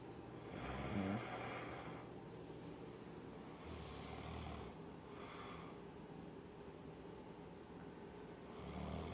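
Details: Man in deep sleep, covered with a pillowcase, snoring: loud, rough snoring on the in-breath with quieter pauses between breaths against steady room noise; snoring.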